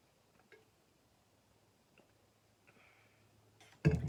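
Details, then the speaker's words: Adult woman, snuffy for the last few days, with an annoying dry cough while talking: near silence with faint clicks, then one abrupt, harsh dry cough bursts out at the very end. "one of those annoying dry coughs. I'm just going to have to fight it cuz the more I cough, the more I walk off."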